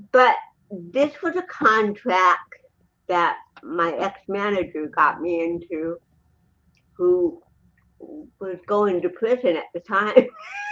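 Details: Adult woman, an actress and comedian, with cerebral palsy since birth in 1956, in real unscripted speech: dysarthria (cerebral palsy).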